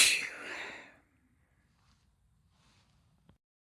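A single sharp, hissing sneeze burst at the start, then near silence with a faint click.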